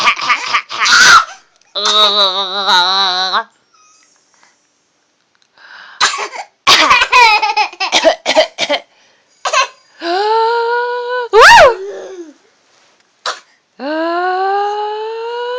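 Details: A child's coughing fit: a run of short, harsh coughs mixed with high, sing-song voiced squeals and laugh-like sounds.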